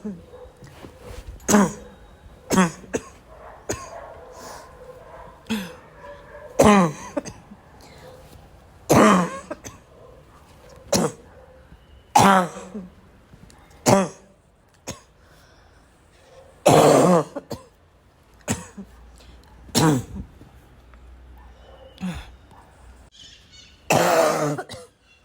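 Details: Adult coughing fit: repeated harsh, barking coughs mixed with throat clearing, about sixteen bursts in 25 seconds.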